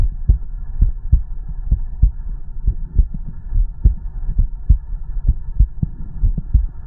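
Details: Normal heartbeat; steady, regular lub-dub at about 70 beats a minute with a faint low hum behind it, recorded alongside stomach growling.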